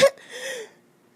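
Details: Single short, harsh cough then a rough breath in; chesty cough during a very bad cold that went to the chest.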